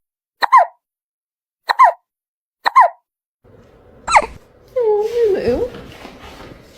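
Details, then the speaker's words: Cat with hiccups after eating its food too fast: three short, evenly spaced chirping hiccups, then a person's voice over faint background. "You see what happens when you eat your food too fast, kebab?"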